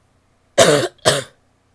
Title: wet coughs (f)